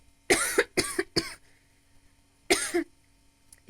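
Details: Adult redheaded woman who smokes has a coughing fit during a smoking session: four loud, harsh coughs, three in a quick run and one after a pause, in a quiet room; smoker's cough.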